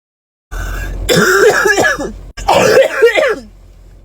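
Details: Young woman with asthma, exercising without her inhaler: two harsh, voiced, barking cough bursts of the rough throat-clearing kind during an asthma flare.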